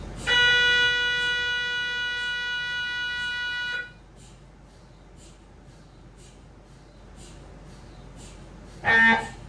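Loud steady electronic tone for several seconds, then quieter rhythmic knocking and another burst of tone: MRI scanner noise during imaging.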